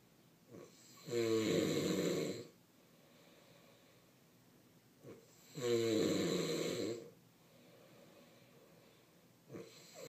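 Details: Man snoring: loud, regular snores with a vibrating, fluttering sound on each breath in, about 13 breaths a minute, with quiet breathing out between.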